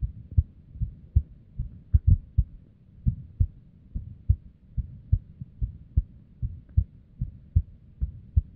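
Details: Female resting heartbeat with a variety of arrhythmia and abnormal beats, recorded with a simple microphone or headphone: low thuds around 140 a minute, unevenly spaced with some beats closer together; irregular heartbeat.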